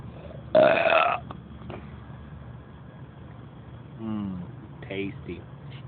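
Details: A loud, drawn-out burp of about half a second, then brief speech-like sounds over steady road noise, recorded near Hillsboro, Texas; ordinary belching.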